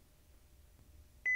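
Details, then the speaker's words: Philips HeartStart OnSite AED training demonstration: with pads placed, a sudden steady electronic tone sounds in a quiet room as the AED analyzes heart rhythm, and no one should touch the patient, before it advises a shock. "as soon as the pads are in place the aed will immediately start to evaluate the heart rhythm no one should touch the patient analyzing"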